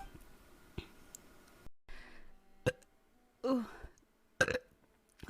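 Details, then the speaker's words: Female streamer burping during a stream while eating: a few short, quiet burps with brief gaps between them in a quiet room, each followed by "excuse me." "excuse me excuse me that was a very wet one oh excuse me I'm good"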